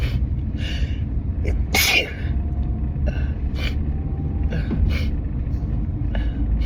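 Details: Several muffled, stifled sneezes in quick succession over loud road rumble in a moving car, after high pollen and wedding flowers and a strong synthetic car air freshener; allergic sneezing fit.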